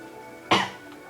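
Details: Cough from a speaker commentating a Minecraft video.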